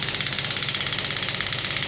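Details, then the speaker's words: Rapid, even, harsh clattering pulses over a mechanical hiss from a clinical pneumatic shockwave therapy device (0.5–12 bar) as energy is raised. "अब मैं energy increase करूँगा। Machine table पे है इसलिए थोड़ा vibrate करेगी ज़्यादा इंटेंसिटी में।"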